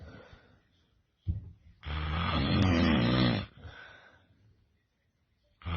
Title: Loudest Snoring Ever!